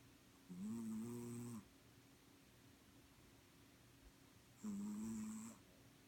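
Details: Two loud, buzzy, slightly whistling snores about four seconds apart, each about a second long, with quiet breathing between, from a sleeping cat.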